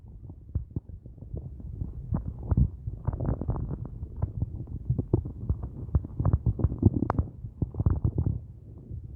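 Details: Adult's empty stomach after only a large cup of coffee all day, at day's end: loud continuous gurgling and bubbling rumbles with sharp pops, hunger borborygmi.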